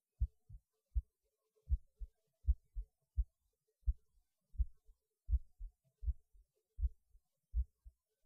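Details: Heartbeat recorded after pausing while eating lunch, felt as beating harder though rate barely changes; soft regular paired low thumps about 80 beats a minute, normal heartbeat.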